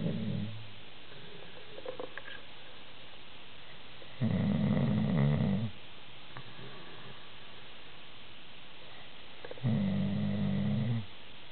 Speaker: Can I show you the video of your super loud snoring? I swear, I wonder what turns it off.